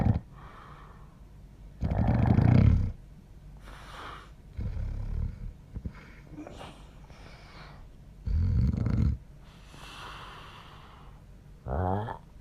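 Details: Man's snoring recorded by his wife one night: loud, harsh, irregular snorting snores with whistling and gurgling sounds between them.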